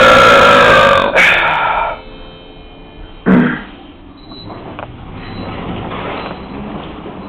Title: Me Throwing More Burps In The Elevator 3 / Yo Tirándome Más Eructos En El Ascensor 3